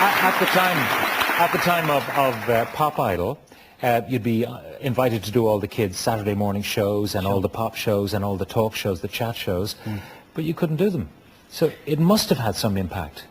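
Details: Adult male talk show host; no speech disorder.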